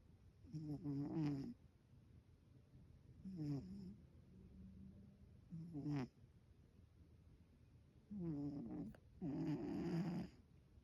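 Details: Zoey making mouth sounds as if eating in her dreams, then soft irregular nasal snorts and rumbling breaths while sleeping: ordinary snoring.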